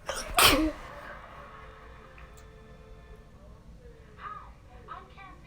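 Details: A single loud, explosive sneeze, then quiet room noise and faint distant voices.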